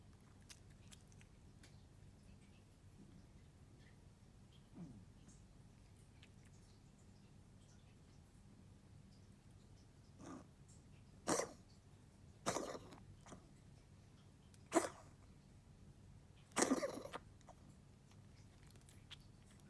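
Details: Four or five short, sharp bursts in a quiet room, consistent with a dog's dry coughing or hacking.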